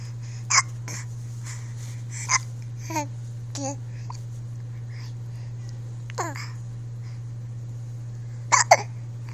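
Several short, abrupt hiccup sounds with soft babbling between them, over a steady low hum.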